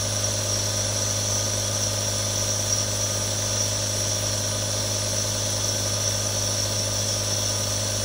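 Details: Real sound of a nebulizer running: steady unbroken mechanical buzz and hiss with a low hum.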